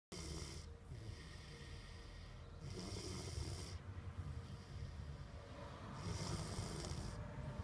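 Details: Adia snoring, 2014: rhythmic low rattling rumble with hissy breath phases about every three seconds.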